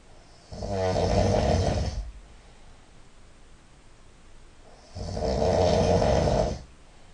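Two loud, rough, rattling snores about four seconds apart, with quiet pauses between breaths.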